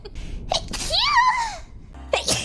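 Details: Sneeze during a livestream, from a sneeze collection: a quick gasping intake, then a high-pitched voiced sneeze that rises and falls, with a short noisy burst after it, followed by bless you.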